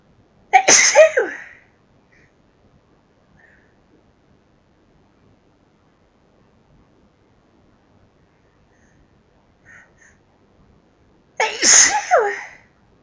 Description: forceful sneeze fit which felt incredible - louder than normal sneezes